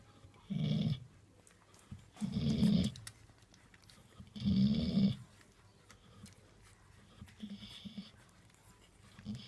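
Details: Golden Retriever mother that has just given birth to nine puppies snores deeply as they nurse: deep, rumbling snores about every two seconds, fading to softer breaths; sleeping dog snoring.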